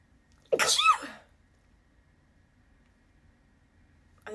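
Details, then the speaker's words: One loud, explosive sneeze with a sharp breathy burst and short voiced tail, from a girl sneezing repeatedly after putting on perfume; sneezing. "Okay. Usually see I put perfume on. That's why I was filming, but all of a sudden the sneezes came over."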